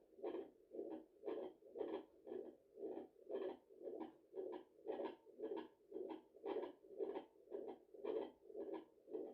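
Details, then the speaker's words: Regular whooshing pulses at about 115 a minute on a home fetal Doppler picking up the mother's own heartbeat at 34 weeks of pregnancy, after a large meal, mother tired: maternal tachycardia. "Okay, I think my heart was beating a little bit too fast. I don't know why, but I think it was beating a little bit."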